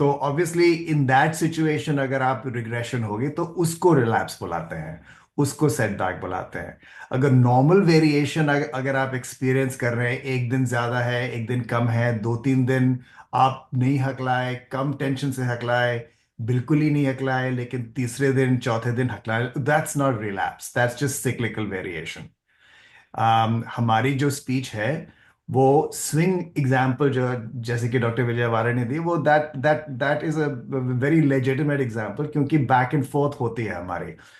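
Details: Adult man speaking; fluent speech.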